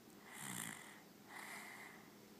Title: snoring